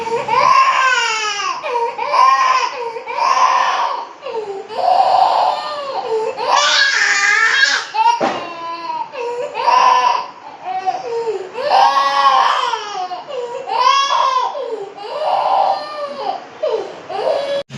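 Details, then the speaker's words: 1-year-old boy in hospital with a fever that would not settle, crying loudly in repeated distressed wailing bursts around a blood test while his parents try to calm him. "அழுதுகிட்டே தான் இருக்கான். நானும் அவங்க அப்பாவும் எப்படியோ சமாதானப்படுத்துகிறோம். அழுதுகிட்டே தான் இருக்கான்."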